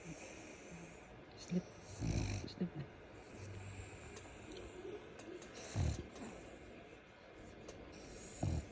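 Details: Snoring French Bulldog asleep: low snorting, snuffling breaths recurring every few seconds.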